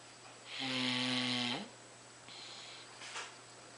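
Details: Little boy snoring: one buzzing, vibrating snore on an in-breath, followed by a softer breath; ordinary snoring.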